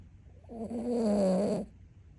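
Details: A single tonal, whistling snore lasting about a second from a sleeping dog; snoring.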